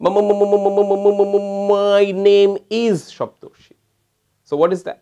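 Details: Stammering in which the first syllable is repeated three or four times before the sentence continues smoothly, attributed to a homeopathic 'spigelia' type; stuttering with initial syllable repetition.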